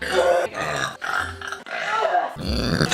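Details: Woman burping repeatedly in a comedy compilation: several long, low, rumbling voiced belches in a row with brief gaps between them; repeated burping.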